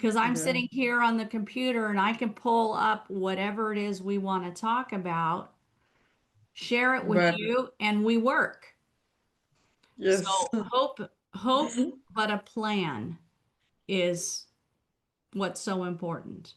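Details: Adult woman, a former ophthalmologist, with aphasia after a stroke, about a year into recovery and still recovering her speech with a speech-language pathologist. Aphasia.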